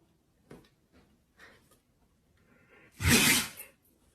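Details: Husky dog: a few soft snorts and sniffs, then one loud explosive sneeze in a small room.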